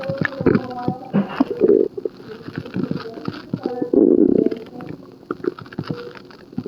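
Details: Person in hospital for an upset stomach: loud, bubbly gurgles and groaning rumbles coming in waves; stomach growling.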